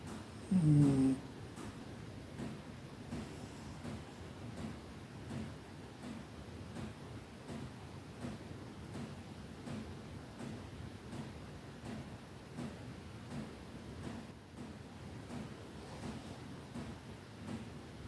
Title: Cat snoring during his afternoon nap.😴💤 I'm glad I was there. #cat #snoringcat #snore #mycat